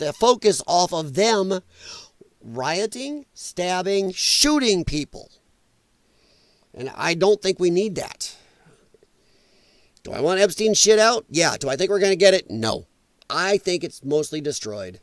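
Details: Dysphonia in a male speaker, who attributes it to vocal cord damage from infections related to his lung problem; he formerly sang in show choir and regards it as a disability.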